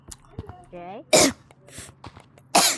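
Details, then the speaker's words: Person speaking, interrupted by two sudden, loud, sharp hiccups, then saying they need water; hiccups. "my god. Okay. I got the hiccup. I gotta get some water, guys."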